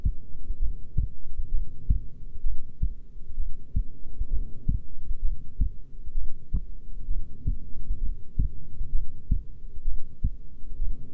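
Regular low heart thumps, roughly 60–65 beats a minute, steady and unhurried; a resting heartbeat.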